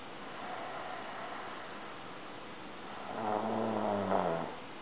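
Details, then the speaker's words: A man asleep on the living-room couch, who denies snoring, gives a single rough, fluttering snore on inhalation, likened to a lawnmower outside, rising out of background music; snoring. "I hear something that sounds like somebody's like outside freaking mowing their lawn or something and then I go look and it's DAV and snoring so let's go prove him wrong"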